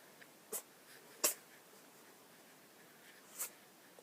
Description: This is my cat Romeo and he sneezes!